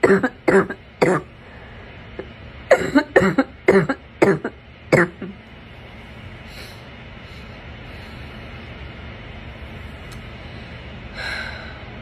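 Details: Morning coughing while sick: two bouts of harsh, abrupt coughs, about a dozen in all, with a barking quality.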